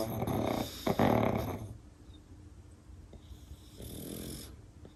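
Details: Two pugs napping together on pillows: loud, rough snoring from a sleeping small dog, then a quieter stretch and a second snore.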